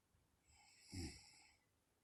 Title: Mommy snoring 2